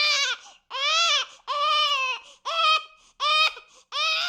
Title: Baby Crying Sound Effect